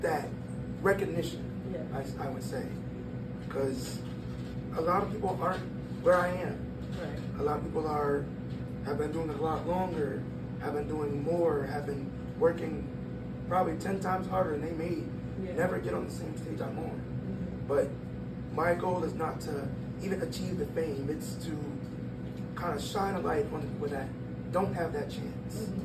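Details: 22-year-old man born prematurely at about one pound whose vocal cords had to develop as he grew and still don't close all the way; breathy voice from incomplete vocal fold closure.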